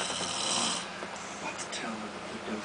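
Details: Loud snoring from a sleeping adult man who denies snoring; his wife says it is worse than this at night.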